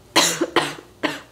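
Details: Adult on about day four of an acute illness, on antibiotics for what they believe is strep throat, with talking painful: three harsh, dry coughs in quick succession.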